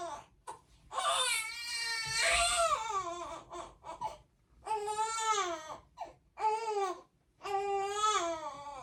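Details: 4-week-5-day-old colicky girl crying at night after a 1–2 ounce feed, burping and a diaper change: long, loud wailing cries with rising and falling pitch and brief gasps.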